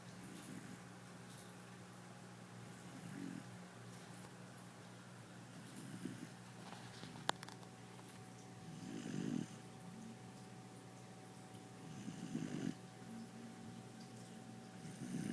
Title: Puppy snoring